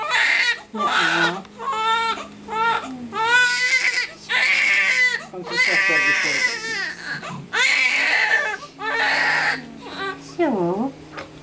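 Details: Newborn girl just a few minutes old: repeated loud, rhythmic crying bursts with short gasping breaths between, a vigorous newborn cry.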